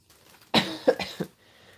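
A short burst of about three quick coughs from an adult, fairly dry, in a small quiet room; a lingering cough after a cold.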